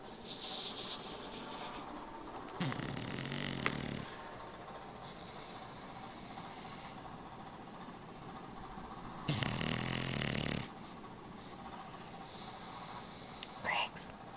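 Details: A 3-year-old bulldog taking an afternoon nap gives two rough, rattling snores about seven seconds apart over background noise.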